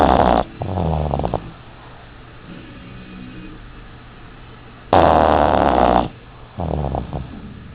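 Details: Loud snoring from a napping dog: two harsh inhaled snores, each followed by a softer fluttering exhale, over quiet room noise.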